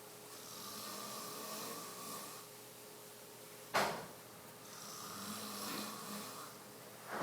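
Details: Soft, slow breathy snoring with a faint buzz, two long breaths heard, broken by a sharp knock in a quiet room; snoring.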